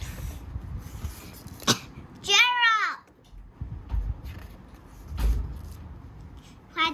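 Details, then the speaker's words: Simulated sneezing acted out while reading a picture book aloud, with a child aged 5 years 6 months; two short, sharp sneeze bursts with the child's voice and room noise between. "Achoo! I cannot stop Achoo! Sneezing. Oh no!"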